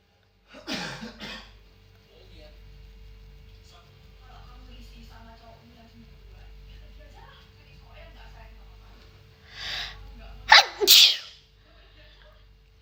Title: pretty woman induce uncovered sneeze🥺 pt1